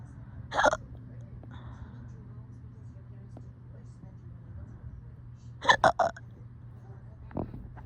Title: These hiccups were being so dramatic lol #hiccups #hiccupvideo #hiccupburp #funny #funnyshorts